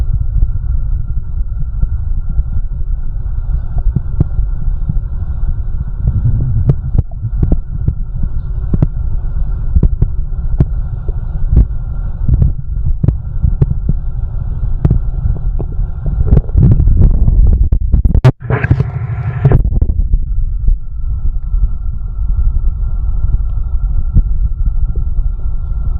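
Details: Soft, steady low thumps of a normal heartbeat over a constant hum, with a short gurgle of stomach growling.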